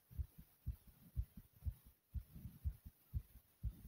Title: My Fast Pounding Heartbeat ❤❤❤❤